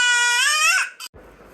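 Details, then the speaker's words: 9-month-old baby boy, teething, irritable and refusing milk: a short, high, tonal wail that breaks off abruptly; infant crying. "रो क्यों रोना नहीं [संगीत] रोना ठीक है ठीक है नहीं पी रहे ठीक है"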